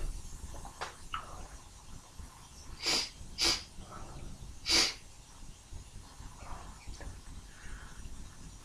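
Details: Three sharp hissing bursts over background hiss: tickle-induced forceful sneezes that come through muffled on the recording.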